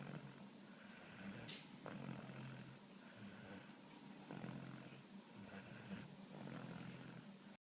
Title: Puppy funny snoring video